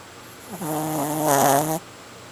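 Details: A single tonal, buzzing snore lasting about a second from a sleeping pet; ordinary snoring.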